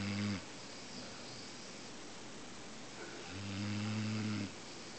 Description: Bubba, our English Mastiff, taking a nap on the couch...and I caught him. SNORING.